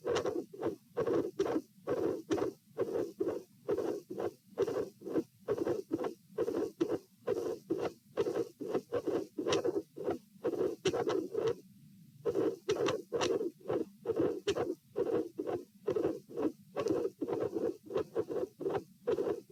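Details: Stress-test auscultation at position P in a patient with dilated aortic root, 66-66-72 bpm while lying, sitting and standing: irregular rhythm, midsystolic murmurs and a cyclic split/extra third component of S2.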